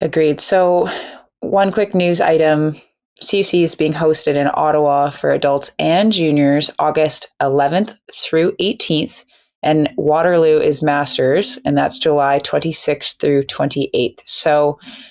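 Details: Adult speaker; normal speech.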